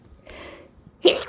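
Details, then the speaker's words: Sharp explosive sneeze after a breathy indrawn build-up, one of a repeated sneezing fit set off by sniffing a small amount of potent fresh chhinkni snuff. "I forget how potent it is. Okay. I can already feel them starting."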